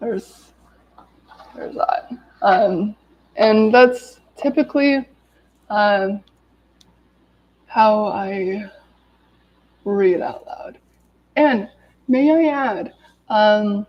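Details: Adult woman with lifelong daily stuttering, severe in childhood, with speech blocks and S-words especially hard, speaking live while recovering from an illness; stuttering.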